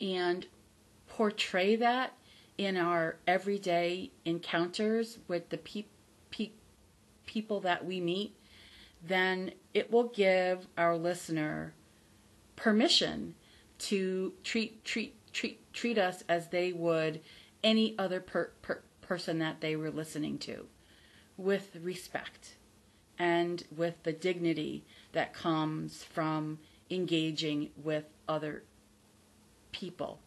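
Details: Adult woman who stutters, formerly a covert stutterer, not recovered from stuttering but from the fear of it; says her stutter is audible on careful listening; stuttering.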